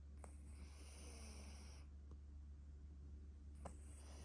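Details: Himalayan/Persian cat snoring: a long, hissing, whistly snore over a steady low hum, with brief snorts between breaths.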